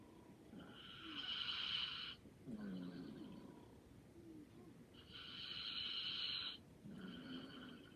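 Light, soft snores on each inhaled breath with quieter breathing out, about 15 breaths a minute; ordinary light snoring.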